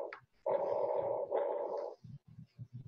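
Loud, hollow, tubular breath noise with a clear pause between phases, typical of bronchial breath sounds.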